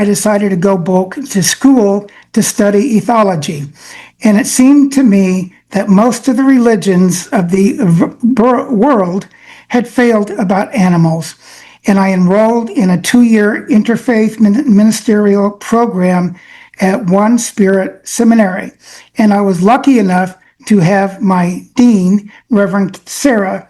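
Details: Adult man with aphasia, who says he lacks access to many words because of it, giving his acceptance speech; aphasia.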